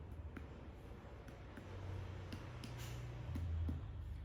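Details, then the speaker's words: Abdominal percussion with left-hand technique during a general abdominal physical exam: soft, quick finger taps give a hollow, drum-like tympanic note, a normal finding. "Apabila suaranya timpani, ini menandakan normal."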